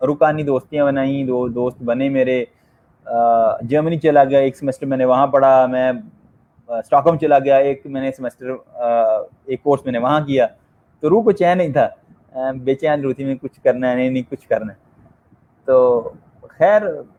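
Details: Person who stammers, hosting a session run by stammerers for stammerers; stuttering.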